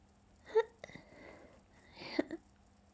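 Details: Sneezing, held back while trying to sneeze quietly: two muffled bursts with a breathy inhalation between them, in a quiet room.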